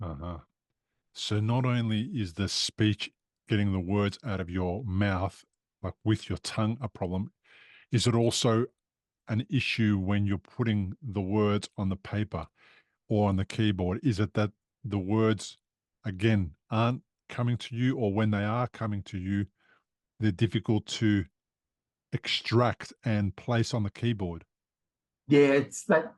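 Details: Adult male speaker; normal adult speech.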